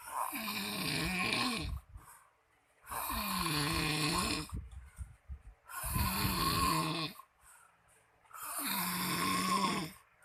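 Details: Man snoring really loud, recorded by his wife: loud, rough, rattling snores on breathing in with quiet breaths out, four in about ten seconds, roughly 22 breaths a minute.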